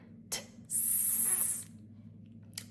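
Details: Speech-language pathologist demonstrating a /t/ gradually turned into a prolonged /s/, a technique for children struggling with tongue placement: correct /s/ articulation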